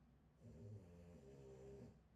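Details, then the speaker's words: Loud snoring heard in the background while a woman talks; snoring. "kedengaran ngoroknya Oh suaraku tiba-tiba berubah Iya kadang-kadang kayak gitu dengengaran ya ngoroknya ya"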